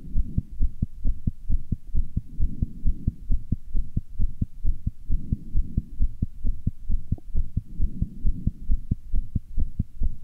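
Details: Person's own heart beating fast: rapid, regular heartbeat at about 130 beats a minute with a low hum, valves heard opening and closing quickly; tachycardia.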